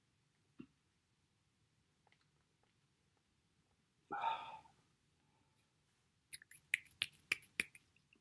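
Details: Self-recorded Tourette syndrome episode with coprolalia: sudden breathy burst and a rapid cluster of sharp clicks and pops; simple phonic tics (Tourette syndrome).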